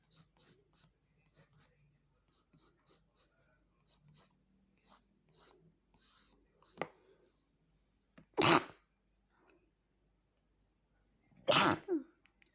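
Pencil scratching on paper, then two loud sneezes near the end, each with a short intake before it.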